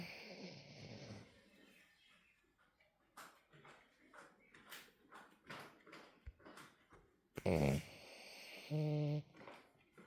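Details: Snoring in a female French bulldog, a flat-faced dog: soft snuffling breaths, then a loud snort and a short rumbling snore.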